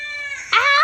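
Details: A brief high-pitched wail that rises suddenly into a louder, strained cry: an infant crying.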